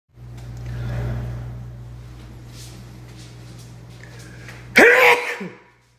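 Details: Male: steady room hum, a faint breath in, then one sharp voiced sneeze burst at the end.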